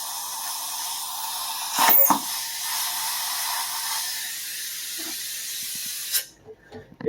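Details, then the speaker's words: Dental air/water syringe used for a 5–10 second rinse and dry during a composite filling on tooth number 10; steady airy hiss, then stopping. "real nice like 5 10 second air and water spray get everything nice and dry from that portion"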